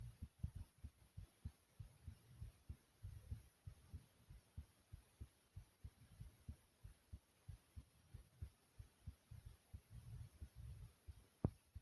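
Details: Steady, regular, smooth low thumps at roughly 100 beats a minute from the uploader's own heartbeat; normal heartbeat.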